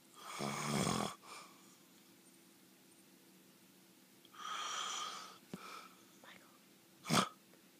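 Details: Person recording themselves snoring: two loud, rattling, buzzy inhaled snores a few seconds apart, softer breath noises and a click between; snoring.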